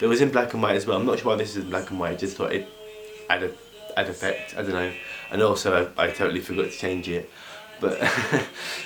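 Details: Stuttering in an adult male who has a stutter, heard in unedited spontaneous speech.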